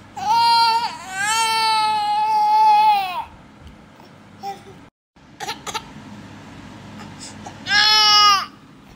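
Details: Infant crying: loud, clear, high-pitched wails in two long bouts separated by quieter fussing in a small room.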